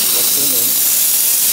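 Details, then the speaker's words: Steady loud hiss of steam from the spray gun of a 9 kg desktop dental/jewelry steam cleaner (2L at 5 bar or 4L at 6 bar) once pressure is ready, with a faint voice in the background. "okay now because the pressure is reached far far so it turned to the yellow line and the steam is ready we can use the spray gun to spray the steam out"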